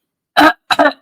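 Two short throat-clearing bursts from an adult whose voice is strained by laryngitis.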